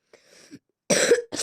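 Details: Cough from a speaker who says they have fallen ill: a soft throat sound followed by one sharp, loud cough and the start of a second, a brief dry cough.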